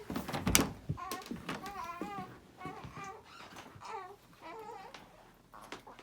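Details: Newborn boy aged 5.5 weeks waking from sleep, apparently hungry: short bursts of crying with brief pauses between them, in a quiet room; infant cry.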